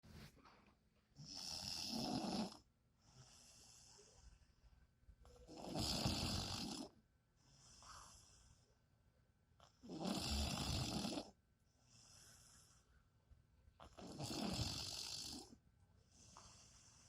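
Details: Loud, rough snores with each breath in and softer breaths out, about 14 a minute, steady and regular, from someone who says he doesn't snore: snoring.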